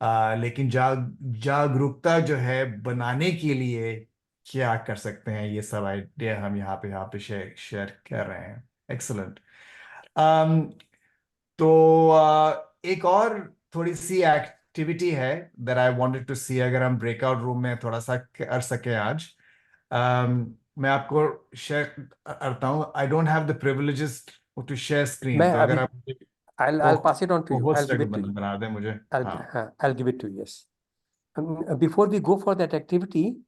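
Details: Adult male speaker, online call; stuttering.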